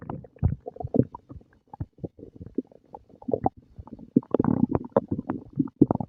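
Frequent low gurgles, squelches and rumbling bursts come from the belly with short gaps between them: active stomach growling, ordinary borborygmi after a meal.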